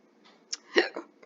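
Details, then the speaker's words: Storybook reading of a cat character whose hiccups persist despite remedies: a couple of short, abrupt gulping hiccup sounds in a quiet room; simulated hiccups. "Nothing's working. He still has the hiccups."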